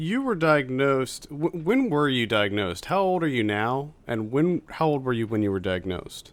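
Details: Adult male speaker; ordinary speech.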